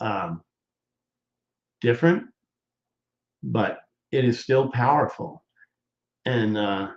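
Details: Adult man who appears to be a stroke survivor, with hesitations and word-finding pauses; he regards doing his show as therapy for his aphasia, and a viewer says he has improved; aphasia.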